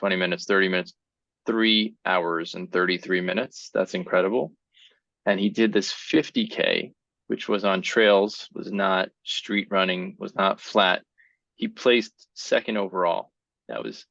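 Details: Adult male speaker; typical speech.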